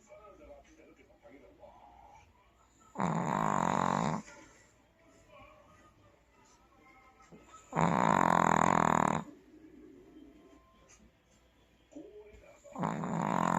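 Long, loud, rumbling snores lasting over a second each, about every five seconds, with quieter breathing and some room noise between them.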